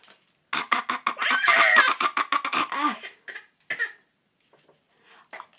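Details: An infant girl makes a run of short, voiced, playful cough-like sounds after an adult prompts her to cough; a deliberate fake cough, not illness.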